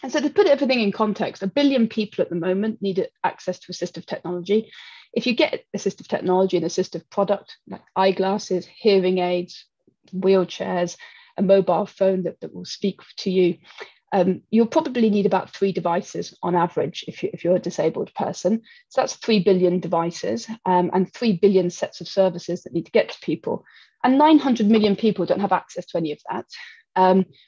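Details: Adult woman; typical speech.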